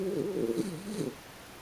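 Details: Sleeping dog, very tired after running hard at a dog run: a single low, wavering, slightly musical snore, then quiet; snoring (stertor).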